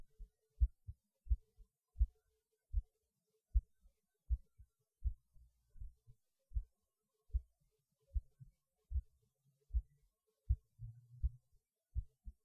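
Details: Regular low heartbeat thumps at about 80 beats a minute, recorded during a pause in eating lunch; the person felt it beating harder, but the rate changed little; a normal heartbeat.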